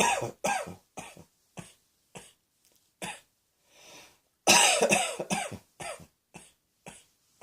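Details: An adult coughs repeatedly in short, harsh bursts, about a dozen coughs with brief pauses and one louder run; a bout of repeated coughing.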